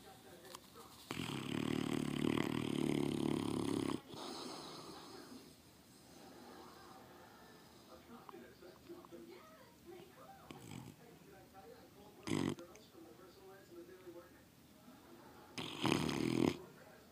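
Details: Bullmastiff snoring: a loud, rough, rumbling snore lasting about three seconds, then quieter breathing with snorty bursts.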